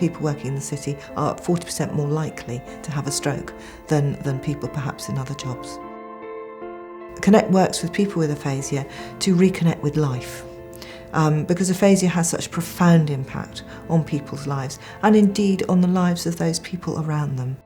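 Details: Adult speaker; normal speech.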